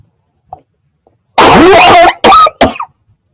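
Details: A short run of three harsh, forceful adult coughs after a few faint breath sounds; a plain cough.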